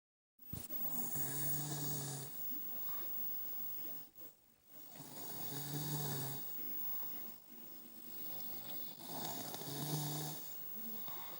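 Rhythmic rattling snores on each breath, about 15 breaths a minute; snoring from vibration of the upper airway during sleep.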